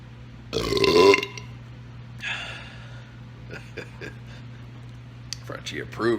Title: Life is but a Burp (Belch Montage 7.1)